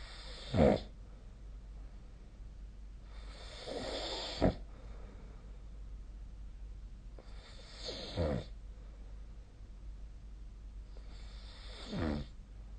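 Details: Four rough snoring breaths at about 16 a minute, each ending in a short snort; snoring during sleep.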